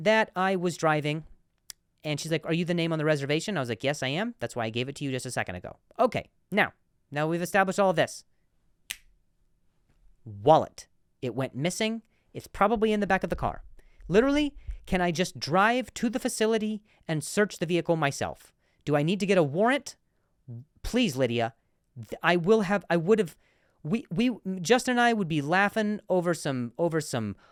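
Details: Adult male comedian and podcast host who stutters, in real speech with repeated words: stuttering.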